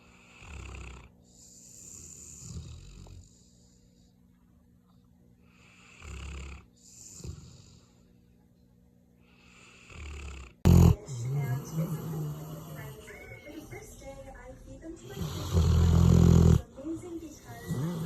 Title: My dog snores like a grown man #dog #youtubeshorts #funny #dogs